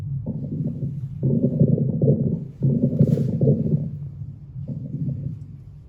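Low gurgling, rumbling bursts come and go irregularly through a stethoscope; normal bowel sounds.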